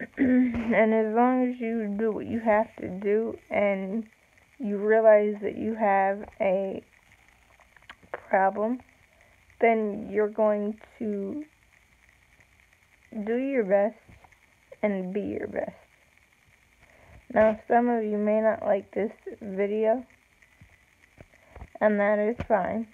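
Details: Woman with self-reported cerebral palsy, no specific speech disorder named; slow speech with long pauses in cerebral palsy.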